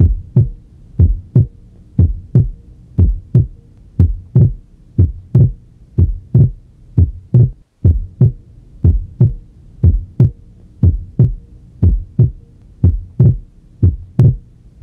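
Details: Physiological splitting of S2 at the pulmonary focus: regular heart sounds near 60 a minute, second sound split on inspiration and single on expiration.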